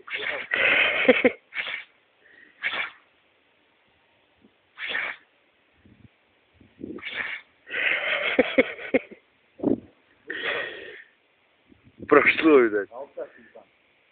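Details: Dog sneezing: series of short, sharp nasal bursts, repeated sneezes in quick succession with pauses between; sneezing.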